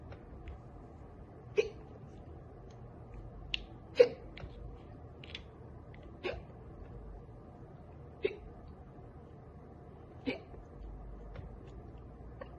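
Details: Girl with hiccups after drinking soda: short, sharp catching sounds, about six in twelve seconds, at irregular intervals.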